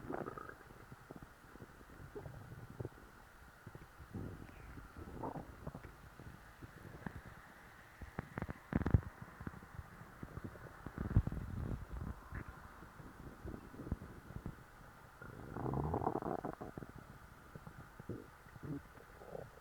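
Low, soft gurgles and rumbles with a few louder pops; ordinary stomach growling after a full meal.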